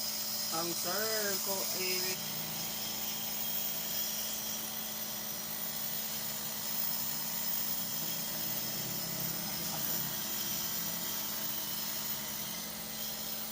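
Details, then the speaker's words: Steady motor hum with hissing airflow as an air compressor is turned on and the nebulizer produces a fine spray, with brief talk at the start; nursing student's nebulization therapy return demonstration. "turn on the air compressor observe the fine spray from the nebulizer observe the fine spray from the nebulizer"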